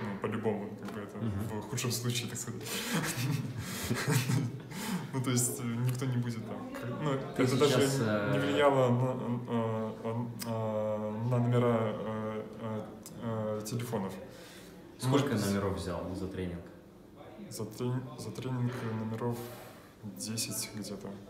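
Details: Adult man, Russian speaker, who describes his own stuttering as severe; stuttering.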